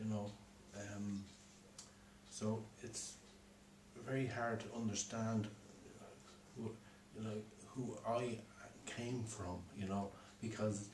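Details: Man with aphasia from a stroke four years earlier; at first he could neither understand nor speak, and his speech, writing and reading have improved since; aphasia.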